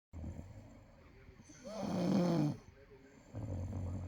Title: snoring after driving Uber for 9 hrs